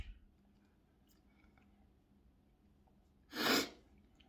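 Quiet room, then a single sharp, explosive sneeze burst lasting under half a second.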